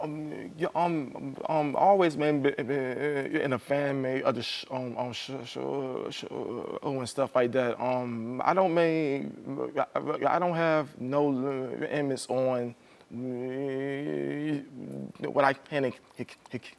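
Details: Adult male Army veteran comedian with a stutter he does not hide, performing on stage, with broken and garbled words; stuttering.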